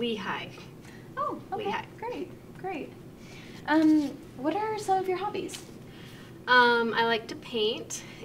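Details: Adult clinician in conversation with another speaker; normal speech.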